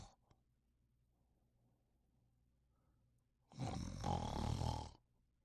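Quiet room, then one loud rough low snore of about a second and a half near the end.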